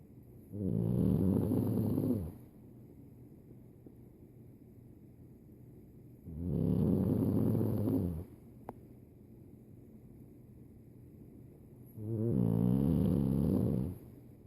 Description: Pug fast asleep snoring loudly